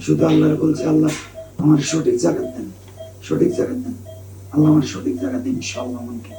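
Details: 43-year-old man with 7-8 months of voice change, fibre-optic laryngoscopy showing a right vocal cord polyp, recorded before endoscopic microlaryngeal excision under general anaesthesia: hoarseness from vocal cord polyp.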